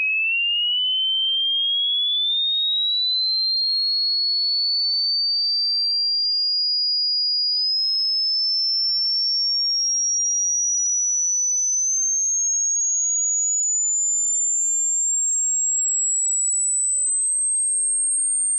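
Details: Pure steady tone gliding slowly upward from mid to very high pitch, a hearing test frequency sweep from lowest to highest frequency for finding the highest audible pitch.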